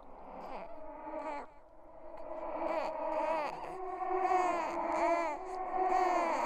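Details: Simulated "ghost baby" horror sound effect: wavering wails rising and falling in pitch, in repeated bursts like an infant crying; infant cry.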